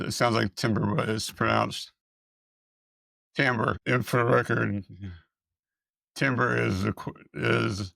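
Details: Dysarthria with dysphonia in a speaker who appears to have multiple system atrophy, with evaluations showing vocal cord paralysis and vocal fold dysfunction; the speaker reports being unable to pronounce a word.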